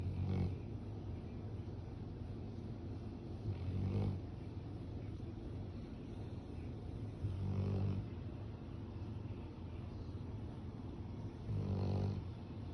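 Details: Low rumbling snores about every 3.7 seconds, roughly 16 a minute, over steady background noise: snoring in sleep.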